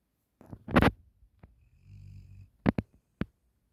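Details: Sleeping black Labrador gives a loud snorting breath, then a low rumbling snore and brief sharp snuffles, before waking to her cousin's name: snoring.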